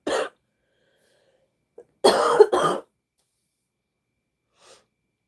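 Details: Three harsh, dry cough bursts, a single cough then a close pair, in a quiet room, from a tired woman with a sore throat who has found a doctor to see.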